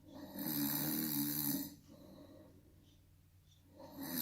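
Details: Deliberate snoring during a home test of a prototype snoring-detection night bracelet: one long, harsh, rumbling in-breath snore, then a quiet pause before the next breath.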